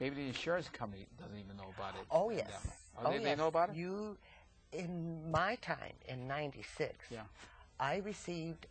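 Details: Aphasia in an adult man after a massive stroke 15 years earlier. His speech is effortful, with many hesitations and fillers.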